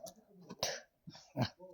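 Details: Adult with a fever who reports falling suddenly ill: two short, harsh coughs with a little quiet room noise between them; cough.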